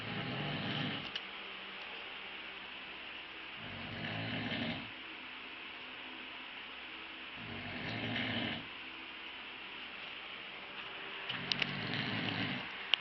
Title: snoring